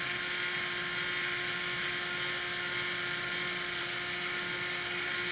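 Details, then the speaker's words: Continuous high whine of a surgical drill at full speed, tapped through the far cortex of the index metacarpal during volar CMC suspensionplasty with the Griplasty system. "I do this I perform this step by keeping the drill at full speed and then just tapping again sorry and then tapping against the far"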